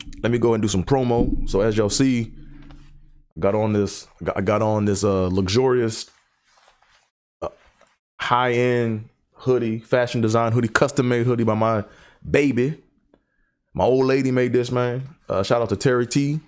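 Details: Adult who has stuttered for decades, describes it as traumatizing; stuttering.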